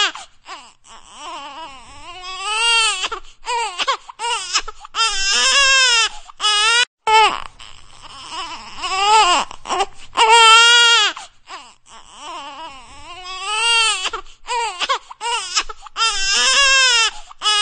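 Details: An infant cries loudly in repeated rising-falling wails separated by brief catch breaths, in a small indoor room: infant crying.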